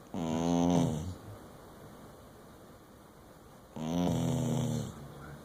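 Two loud, rattling snores on the in-breath, separated by a quiet out-breath, from a sleeping dog.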